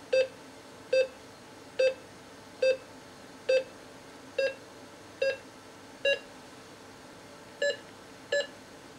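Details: Short pulse oximeter beeps, one per heartbeat at about 70 a minute, during continuous oxygen saturation measurement on a Philips M3 multi-parameter monitor; the tone pitch shifts slightly partway through.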